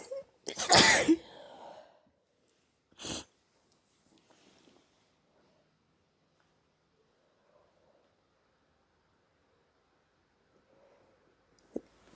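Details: Suspected hayfever plus an early cold, with a sore throat, stuffy and itchy blocked nose and mouth breathing; one loud explosive sneeze, then a shorter burst like a snotty nose blow; sneezing.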